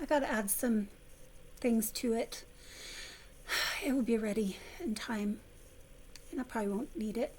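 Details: Vocal tremor from essential tremor in an adult woman, about 3–4 years' voice involvement, before focused ultrasound treatment; previously near-whisper, improved somewhat after stopping a medication causing voice loss.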